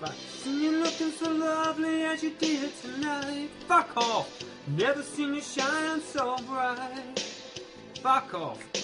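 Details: Involuntary vocal tics, including swearing and exclamations, interrupting karaoke singing in Tourette syndrome.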